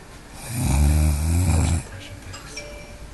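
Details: Snoring: one loud, low, vibrating snore on a breath in, lasting over a second, followed by quiet.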